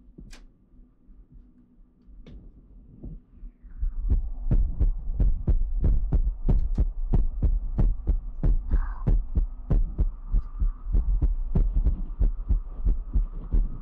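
Regular low thumping beats at about 92 a minute over a steady hum, with a few soft taps; a heartbeat sound.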